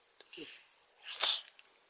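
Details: A single short, sharp sneeze burst after a faint breath in; sneeze.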